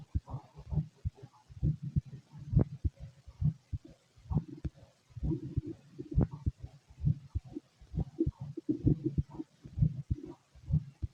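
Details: Fit male, heard through a stethoscope while digesting a meal; low, muffled thumps at roughly 66 a minute under rustling and gurgling: normal heart sounds.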